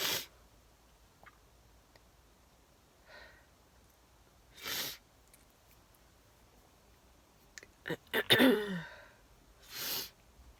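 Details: Person with allergies sneezing twice: quick catching inhalations build to a loud voiced sneeze, with breathy exhalations and another sharp burst around it in a quiet room.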